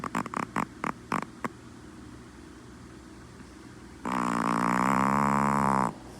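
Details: Sleeping Chihuahua puppy (female) snoring: a quick run of short snorting puffs, then a long, loud, buzzing breath lasting about two seconds.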